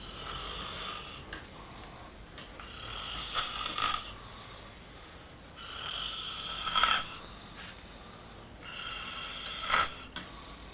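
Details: Adult man sleeping during a fishing trip: rasping snores with each breath in, about every three seconds, roughly 20 a minute; sleep snoring.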